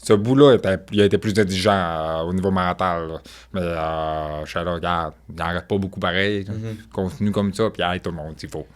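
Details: French-speaking man with profound deafness since birth, who wears hearing aids that only signal that a sound is present, relies entirely on lip-reading and grew up among hearing people; speech of profound congenital deafness.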